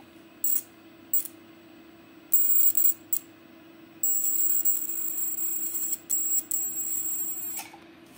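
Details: Low steady hum with high-pitched buzzing bursts each time the pedal activates a surgical diathermy unit, fine needle electrode on the handle, power very low (about 1–2); electrosurgical unit activation.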